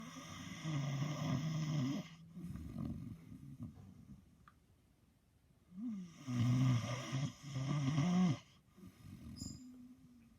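Long, low, buzzing snores with a rough rattle, repeating through sleep; dog snoring.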